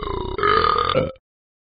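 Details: Animated cartoon dog character from a talking app: one long, loud, voiced burp with a falling pitch near its end, a sound effect.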